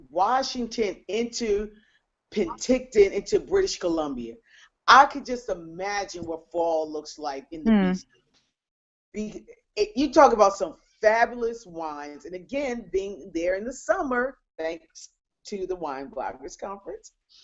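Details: Adult woman speaking; normal voice.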